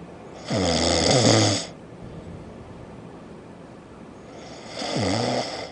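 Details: Two loud, rough, rattling snores about four seconds apart, with quiet breathing between, from someone who went from open eyes to snoring in about 90 seconds; typical snoring.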